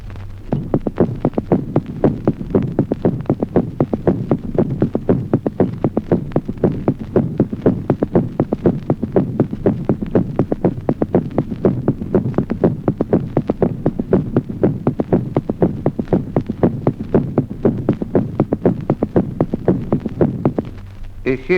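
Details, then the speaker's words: Third heart sound audible as a pathological sign in an adult: regular low heart sounds with a soft, dull extra sound early after the second sound. "Ejemplo vigésimo. Tercer ruido cardíaco audible como signo patológico en los adultos."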